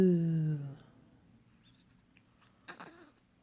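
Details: A small child makes a drawn-out falling 'ooh' vocalization, pauses briefly, then gives one brief sharp sneeze while learning voices and sounds.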